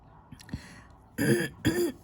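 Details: Throat clearing or a small cough from an adult talking while cross-stitching: a couple of faint clicks, then two short, rough, voiced bursts from the throat in a quiet room, followed by "excuse me".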